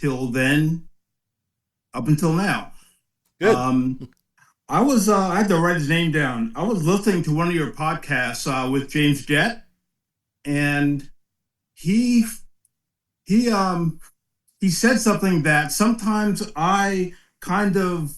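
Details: 56-year-old man with aphasia after a 2013 ischemic stroke at the back of the brain affecting balance, strength and speech; words unintelligible at onset, still impaired twelve years later, volume and enunciation dropping late in the day with some slurring; aphasia.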